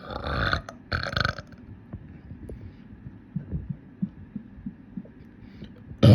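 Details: Person burping: loud, deep, rumbling, bubbly burps, then quieter low gurgling sounds; they made the person's tummy feel funny. Belching.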